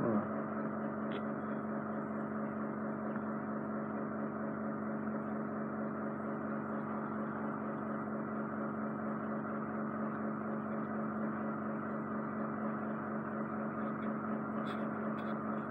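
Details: Endoscopic ear wax microsuction for an adult client with chronic, impacted ear wax build-up and hair in the ear canal: continuous steady hum and hiss of suction, with faint crackles toward the end.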